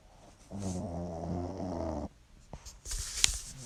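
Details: A little one affectionately called "lil man" snoring: a single low, rattling, buzzing breath lasting about a second and a half, with quiet room noise after; snoring.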